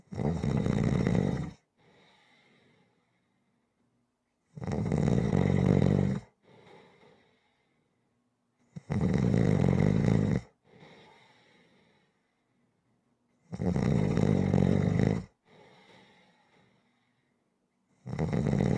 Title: Snoring Sounds Rhythmic